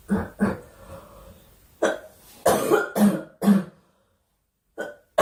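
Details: Girl coughing during a live stream, wishing aloud for the cough to stop: about seven coughs in short clusters with brief pauses between them; repeated cough.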